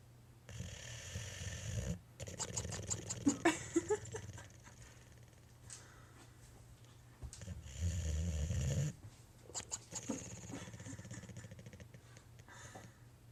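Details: Sleeping boxer dog with loud, irregular snorting snores, some honking and high-pitched and rattling. The owner says this usually happens right before he barks and guesses it is bark air escaping. Ordinary snoring.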